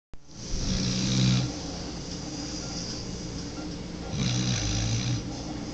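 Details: 9-month-old pitbull-mix puppy snoring while asleep: two low, rattling snores with noisy breaths in between over steady background hum.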